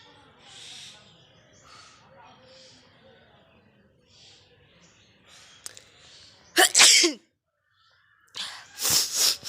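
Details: Two loud, sharp, hissing sneezes after several seconds of faint murmuring; acted sneezing for a sneezing challenge.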